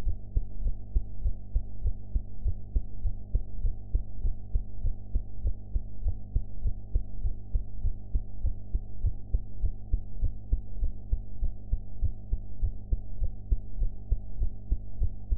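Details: Heart sounds recorded after eating, sound quality enhanced; deep, muffled, regular heartbeat thumps at about 100 beats a minute under a low hum.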